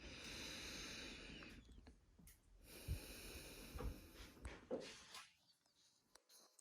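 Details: Normal breath sounds on anterior chest auscultation, moving down from the clavicles, during deep breathing: soft rushing airflow with stethoscope thumps and no added noises.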